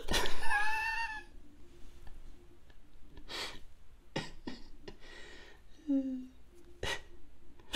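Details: A brief voiced sound, then several abrupt, sharp hiccup catches of breath about a second apart over a faint steady hum, recorded while attempting ASMR.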